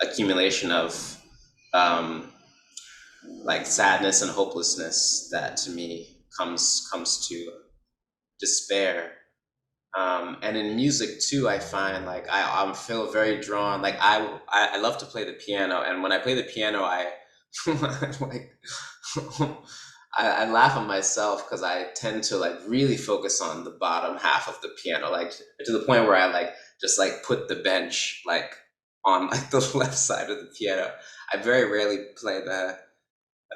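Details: Man who describes himself as a person who stutters, with silent blocks on his own name where his mouth is open and no sound comes out; stuttering.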